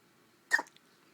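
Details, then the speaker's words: Newborn boy a couple of days old, in hospital: a single sharp, abrupt hiccup in a quiet room; newborn hiccups. "poor little boy po baby they're so loud feels like they hurt"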